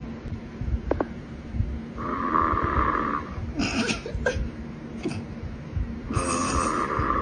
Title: Long night of filming = Snore Session #shorts